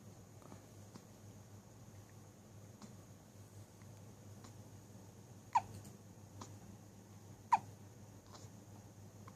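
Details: Repeated hiccups recorded 2014-10-15: soft, abrupt catches about every two seconds, two of them louder, over a steady room hum.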